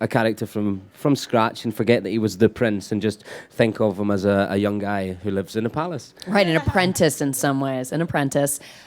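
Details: Adult male speaker; normal voice.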